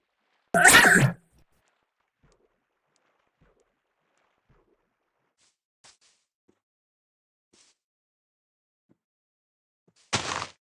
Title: How mom sneeze Vs How dad sneeze